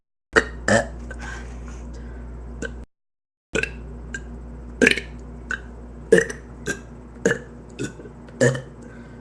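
A rapid series of about a dozen short, throaty belches over several seconds, with a brief gap partway through; repeated burping.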